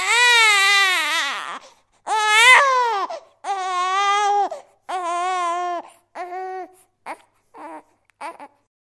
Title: Baby Crying sound effect l សំឡេងទារកយំ